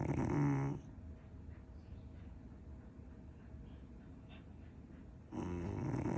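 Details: Snoring.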